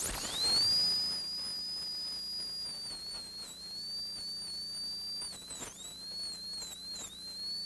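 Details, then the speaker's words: Surgical extraction of a maxillary canine, after a flap is raised: a high-speed dental handpiece with a 330 bur removes alveolar bone, a steady high-pitched whine dipping briefly under load. "all right then we're gonna use high speed handpiece to remove that alveolar bone and we want to be painting that bone away"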